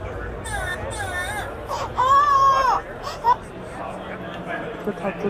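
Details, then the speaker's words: Recorded infant cry played through a small Bluetooth speaker for a sound-event-detection device demo: short bursts of rising and falling crying over room noise. "all right so let's start with a baby cry"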